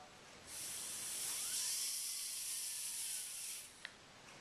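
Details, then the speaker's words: W&H high-speed dental handpiece maintenance, spray-oil lubrication to build pressure in the head, turn the cartridge and flush out debris: steady loud oil hiss with faint rising whine of the impeller spinning. "be spraying for four to six seconds I know it seems a long time but it's very important that uh we get a buildup of pressure inside the head which will turn uh the cartridge inside there and again break down as much dirt and debris as possible"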